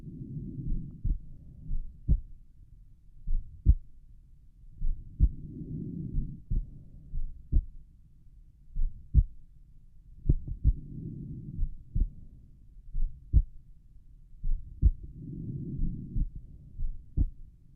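Steady, sharp heart sounds over the pulmonic area with soft breath noise swelling between beats; normal findings.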